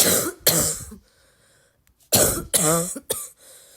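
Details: Sick girl: four harsh, barking coughs with a wet, congested quality, in two pairs separated by a pause; barky congested cough.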